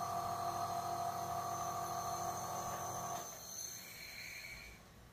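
Steady mechanical hum with a high whine from a running piston compressor nebulizer, which quiets after about three seconds.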